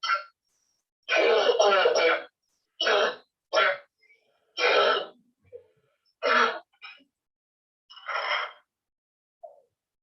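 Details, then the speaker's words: Repeated loud, harsh, goose-like honking coughs in irregular bursts in a child with honking-type habit cough. "again there can be different types of habit cough the one i already in case people did present to the first time this is the honking type of"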